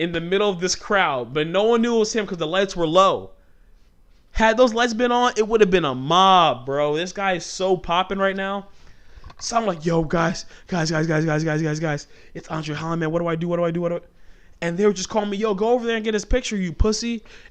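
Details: Adult man who has stuttered since childhood; the stutter comes out when he talks fast or gets passionate and fired up, and he remarks on a stutter right after this stretch. Stuttering.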